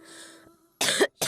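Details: Girl with a cold and strained throat coughing: two short, harsh cough bursts close together after a faint tone fades.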